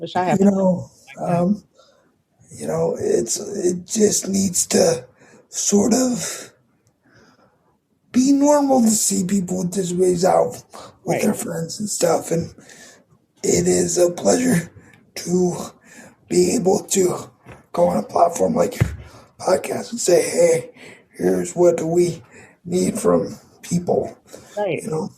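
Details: 22-year-old man with cerebral palsy affecting his muscles; he says tighter muscles make talking more difficult; dysarthria due to cerebral palsy.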